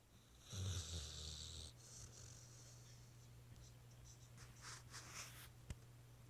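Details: A sleeping dog snoring at night: one long, loud, rumbling breath with a whistling edge, then quieter breathing over a steady room hum.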